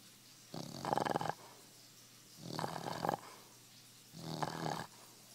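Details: Sleeping dog's loud, scary-sounding snoring: three rumbling, growl-like snores about every two seconds with quiet gaps between them.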